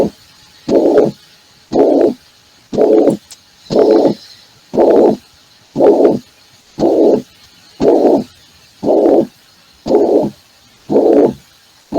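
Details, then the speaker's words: Mitral regurgitation heart sound played in an internal medicine lecture after a mitral stenosis example: regular blowing whooshes about once a second. Systolic murmur. "ya escucharon la estenosis vitral ahora van a ver lo que es insuficiencia de se escucha bien no es un soo de tipo"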